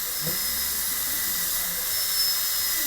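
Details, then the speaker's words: Steady high-pitched whine and hiss of a high-speed dental handpiece cutting a maxillary premolar class II preparation in a teaching course, removing excess near the adjacent tooth's contact before finding the facial margin; faint room noise. "So I'm going to work closer to the adjacent tooth, right in the middle of the contact. Then I'm going to go facially a little bit at a time"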